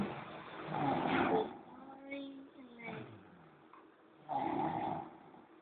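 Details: Loud, rough rattling snores on the breaths in, with quieter gaps between; ordinary snoring during a noontime nap.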